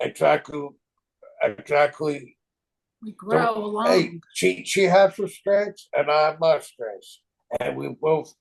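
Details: Aphasia caused by stroke in a man 25 years after the stroke.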